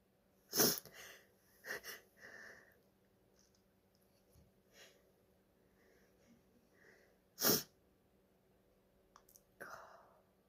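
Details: Female sneezing, thought to be from allergies or hayfever: two sharp sneezes with shaky, halting breaths and several aborted false starts between them in a quiet room; sneezing.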